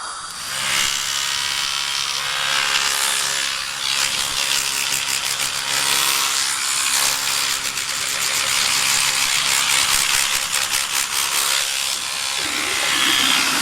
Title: Dental Cleaning Sound Effects - Free Dentist cleaning sounds | Dental appointment Sound Effects!